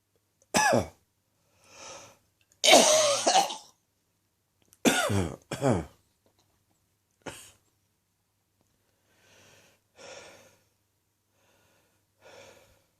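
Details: Morning chesty cough, less than an hour after getting out of bed: several loud, harsh, wet, rattly coughs, then quieter breathy coughs and throat sounds; a productive cough.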